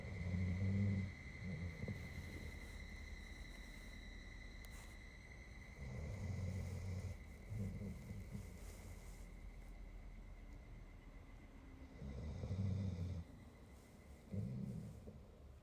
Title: She snores like a human